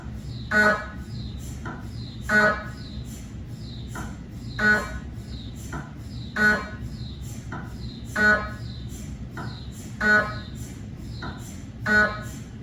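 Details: Cardiac MRI on a GE 3T scanner with an 8-channel cardiac coil and test phantoms, filmed in the MRI room: loud rhythmic buzzing bursts about 33 a minute with softer knocks between; gradient noise.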